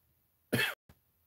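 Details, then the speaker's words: A single short harsh cough with a brief softer catch, in a quiet room, from a sick person with a runny nose whose coughing started suddenly days earlier. "I told y'all I'm sick right now currently I don't know I randomly started coughing out of nowhere"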